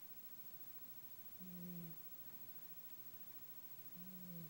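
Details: Two soft, low rumbling snores about two and a half seconds apart over quiet room noise; gentle snoring during sleep.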